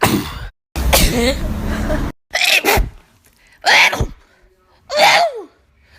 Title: hella funny sneezing compilation